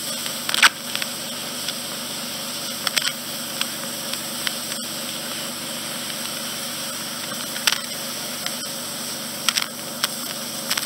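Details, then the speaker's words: Endoscopic ear wax suction in a regular client who needs wax removed every 4–5 months: a steady loud suction hiss with crackling bursts as soft, almost liquid wax is drawn out. "it's going to go in with a different instrument because we're approaching the ear drum this is a fine and it's less suction power"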